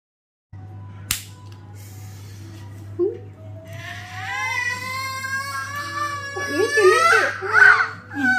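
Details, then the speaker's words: Baby's pain cry during ear piercing: after a sharp snap, a rising, sustained wail with gasping breaks, with music in the background; she cried about five minutes, then settled. "அப்ப பேக்ல சொன்னா expect பண்ணதை விட பாப்பா வந்து கம்மியாதான் அழுதா first குத்தி ஒரு பைவ் மினிட்ஸ் அழுதிருப்பா அப்புறம் கொஞ்சம் செட்டில் ஆயிடும்"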